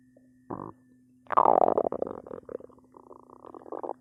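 Bursts of gurgling, bubbling rumbles from the belly over a low hum; ordinary stomach growling from gas and fluid moving through the gut.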